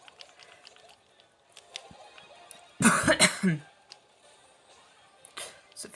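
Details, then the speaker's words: Adult man, whose voice is hoarse, gives a short, forceful burst of throat clearing over quiet background game music while playing Mario Kart. "Attends, mais j'ai la voix cassée."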